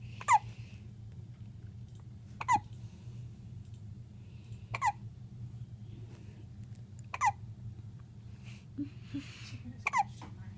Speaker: You got the hiccups, little girl.